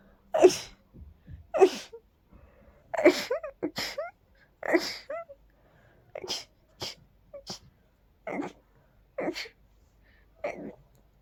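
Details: Dust allergy: rapid run of about eight sneezes, each preceded by a quick inbreath; several later sneezes end in a high, squeaky note; repeated sneezing.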